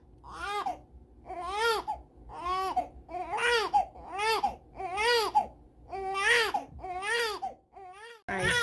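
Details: Baby left to "cry it out" when ready for a nap after being up a couple of hours; sustained rhythmic infant crying, about eight wailing bursts rising and falling in pitch with short gasps between.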